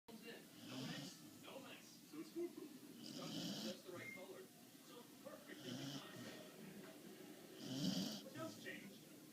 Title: Bailey the corgi - snoring 2